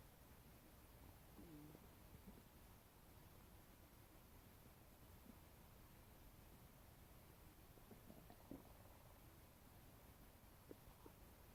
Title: my stomach is making noises after eating a bagel